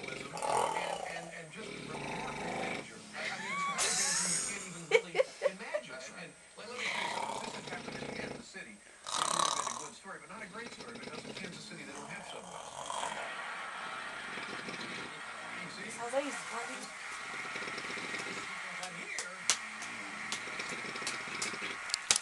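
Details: Father, nicknamed the bear, snoring in sleep: rough, rumbling snores likened to farting, with family voices and room noise in the background.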